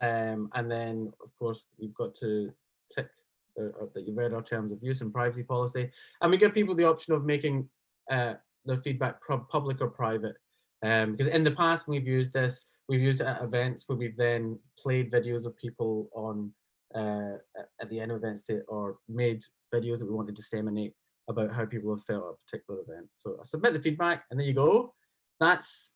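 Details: Adult man speaking; ordinary speech.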